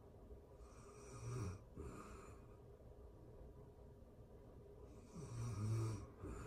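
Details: Real-time recording of a person asleep, excerpted from a longer session: two low, rumbling snores with quiet pauses between them; snoring during sleep.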